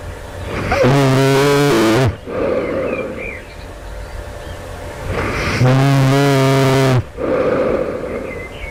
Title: loud snoring right before awakening, this night. do it sounds like i developing sleep apnea?